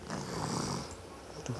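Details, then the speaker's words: Sleeping young child (girl) snoring loudly: a single loud, rough, low rattling snore fading into quieter breathing noise; snoring. "Tuh, tuh dengerin tuh ngoroknya kuat. boboknya ngorok."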